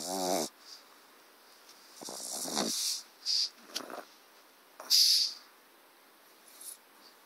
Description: Eric the pug puppy snores loudly!